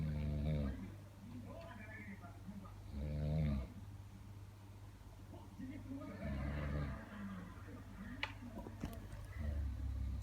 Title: OMG SO BIG SNORING!!!(if you hear closely you will hear it)😴😴💤💤🤣🤣